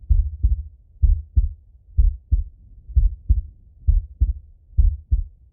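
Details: Normal heart sounds of an adult male auscultating himself with a stethoscope while falling asleep: steady, regular lub-dub at about 63 beats a minute, normal first and second sounds.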